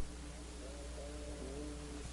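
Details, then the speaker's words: Egophony: the patient says the letter "e" over an area of lung consolidation and it sounds like "a", a nasal, bleating quality from transmitted higher frequencies, as in pneumonia. "now you will hear the letter e spoken over the area of consolidation"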